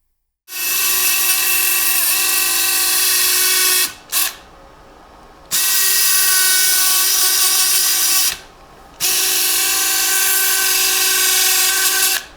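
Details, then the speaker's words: Steady high-pitched whine of a powered bone saw in two long bursts with a short pause, cutting a medially based closing wedge osteotomy of the big toe (Akin osteotomy, hallux) through a medial incision; demonstration procedure. "here's our exposure I'm going to make a medially base closing wedge osteotomy"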